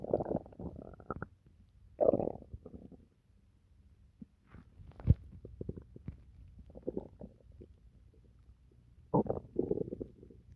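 Irregular bursts of low gurgling and rumbling separated by quiet gaps: ordinary stomach growling (borborygmi) after eating, a normal digestive sound.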